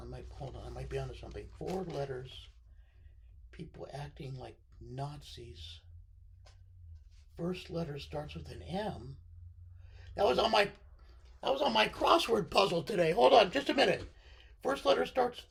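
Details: Adult man with left-sided vocal cord paralysis following surgery, which limits his voice control.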